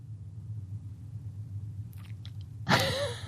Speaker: Sorry, I had to cough. You didn't want to hear that.